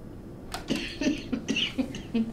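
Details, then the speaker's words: A quick run of short, dry coughs from an adult during deep breaths for lung auscultation in a head-to-toe assessment; the patient attributes it to allergies. "Sorry. Allergies, that's okay."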